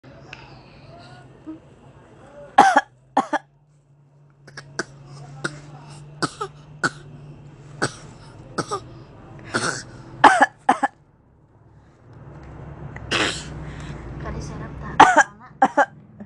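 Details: Baby imitating coughs: several short dry coughs, some from an adult and some from an infant copying them; playful imitated cough.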